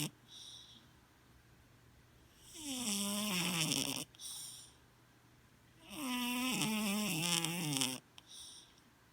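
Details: Snoring in a sleeping cat, a former stray: two long, rising-and-falling tonal snores about four seconds apart, with a faint hiss in the quiet gaps.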